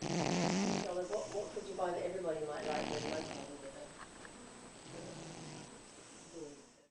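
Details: Sleeping cat snoring: rough, fluttering snores, strongest at first and then fading.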